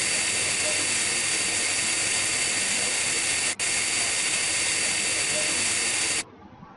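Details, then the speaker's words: Steady high-pitched hissing whine of a high-speed dental drill with round bur, briefly breaking then stopping, cutting 1.5–2 mm depth holes in a lower first molar for Class I amalgam cavity preparation. "we could also place other holes at the mial and distal fory to establish a uniform depth"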